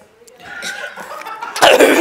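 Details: Sneeze held back on a TV show set, then released: short voiced build-up followed by a loud explosive burst.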